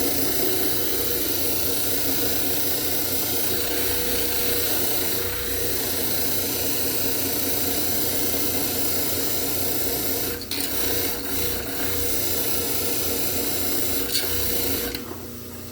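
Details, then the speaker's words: Dental model trimmer giving a steady loud grinding whir, its pitch shifting with pressure, as a plaster study model (diagnostic cast) is trimmed. "The other thing we're going to do is when you're trimming on the model trimmer, you can see these lines that start to form."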